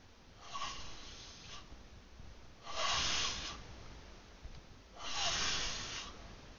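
Three hissing, airy breaths roughly two seconds apart over steady background hiss; breathy snoring at about 26 breaths a minute.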